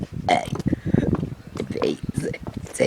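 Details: Deliberate belching of the alphabet: a long, rumbling, shaped belch broken up as if talking while burping; voluntary burp.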